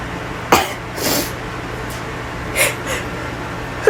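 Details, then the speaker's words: A person in a small echoing bathroom has a run of abrupt, forceful sneezes and says they cannot stop: sneezing fit. "oh my God oh my God I I can stop sneezing oh my God it's [Applause] awful"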